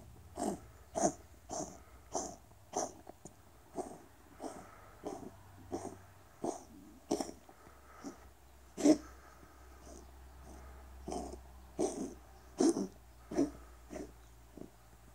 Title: Mika the Seal point Siamese has a bad hacking cough